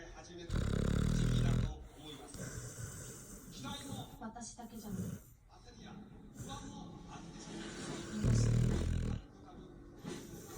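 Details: A sleeping pit bull dog, said to always snore: deep, rumbling snores, two loud breaths with softer snuffling between, and background voices.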